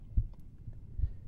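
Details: Heart auscultation demonstration with the stethoscope bell over the apex, listening for the low-pitched murmur of mitral stenosis: two low, dull heart sounds with no clear murmur, normal heart sounds.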